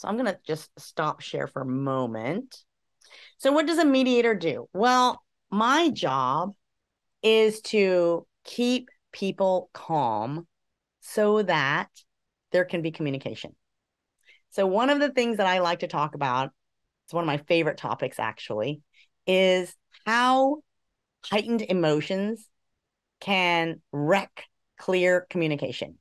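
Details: Adult woman speaking; Plain speech.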